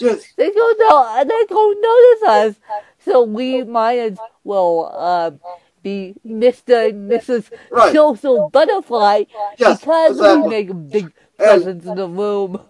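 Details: Woman with cerebral palsy who uses a walker, describing her speech impairment as milder than her interviewer's; mild dysarthria.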